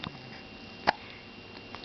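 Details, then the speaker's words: A young child sitting in a chair tries to talk while hiccuping: a single sharp, brief vocal jerk in a quiet room, with a faint second one later; hiccups. "you got the hiccups tell Mama you have the hiccups it's hard to talk with the hiccups"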